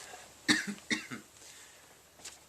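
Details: 31-year-old man with Tourette syndrome, mostly motor tics plus vocal tics: three quick, soft cough-like vocal tics in a quiet room.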